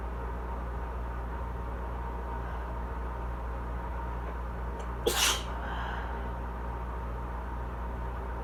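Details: Allergic sneeze from a person with an asthma cough during southern-spring allergies, with watering eyes; a loud air conditioner runs in the background.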